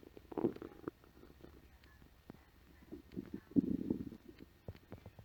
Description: Home after work, empty stomach after a light lunch. My stomach let out some big growls. Enjoy